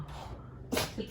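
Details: A quiet stretch, then one sharp, snorting sneeze from a dog; owner wonders if it is rhinitis.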